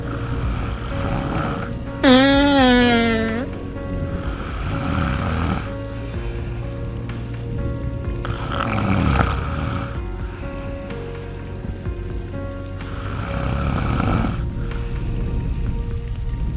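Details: Sleeping chicks and ducklings; loud, rough snores about every four seconds (roughly 13 a minute) over background music, with a brief high chirp; snoring.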